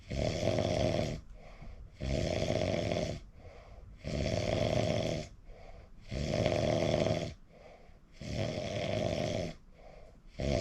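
Loud, rough snores on each inward breath alternating with quieter outward breaths, about 15 breaths a minute; habitual snoring.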